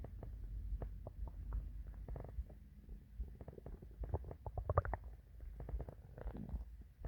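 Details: Morning hunger stomach growling: soft low gurgles and rumbling with quick bubbling pops; ordinary borborygmi, a normal bowel sound.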